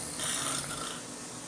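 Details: A man snoring in his sleep at about 4:30 am, after keeping the recorder awake all night: a single harsh, raspy snoring breath.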